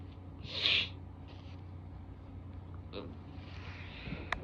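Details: Female who is sick: one sharp, hissing sneeze, then faint nasal sniffs over a steady low room hum; sneezing.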